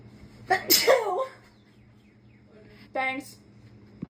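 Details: Loud explosive sneeze with a sharp intake and brief voiced sound after, from a female with May allergies after weeding; allergic sneezing.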